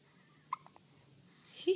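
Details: Newborn hiccups in a 5-day-old baby boy: a single sharp hiccup followed by two faint catches in a quiet room, then a soft infant sound.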